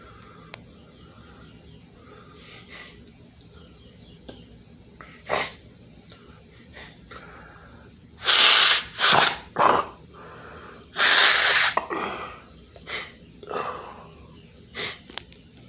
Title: Early Morning Living Room Sneeze Blowing The Nose With Snot